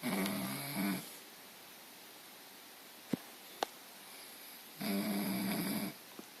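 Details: Two loud, rasping snores on breathing in, separated by a few seconds of quiet breathing; ordinary snoring.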